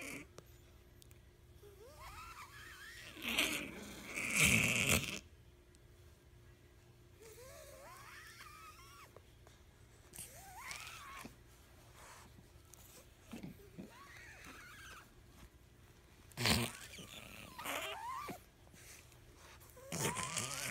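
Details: Sleeping cat with nose too small for its body, before several airway-opening operations, mouth propped open with a finger: irregular squeaky, whistling snores and snorts; brachycephalic airway obstruction snoring.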